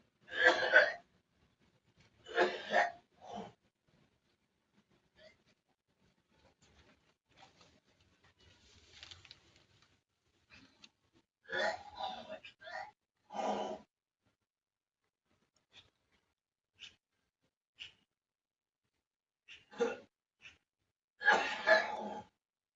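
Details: Child's harsh coughing in clusters with quiet gaps and gagging between coughs, occurring in the morning.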